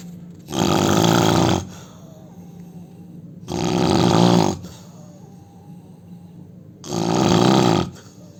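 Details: An adult Indian man snoring: three loud, rattling snores on inspiration, about 20 a minute, with quiet breathing between; ordinary heavy snoring.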